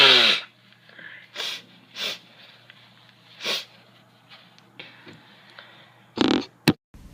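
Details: Girl sneezing repeatedly: several short, sharp bursts of air through the nose and mouth with quiet room noise between.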